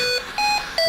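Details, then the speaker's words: Hamilton T1 ventilator medium priority alarm: three clear electronic tones of different pitch with an amber alarm; a high priority alarm sounds five tones with a red light at the top of the ventilator. "get a medium priority alarm it was the amber alarm that showed first with three tones and obviously high priority is five tones and the red light associated with it at the top of the ventilator"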